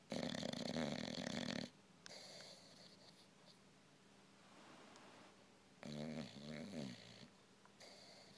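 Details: An older Old English Bulldog, whose snoring has grown louder with age, asleep: loud, harsh, rattling snores with a few quieter breaths between them.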